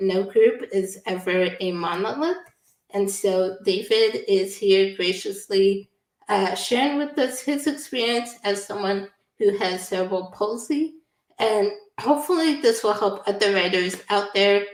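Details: Adult woman; typical speech.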